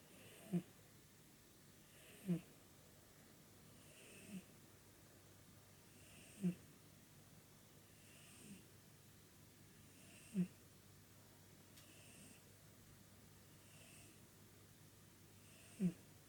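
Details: 16-year-old pet snoring: soft, regular snorts and snores about one every two seconds over quiet room hum.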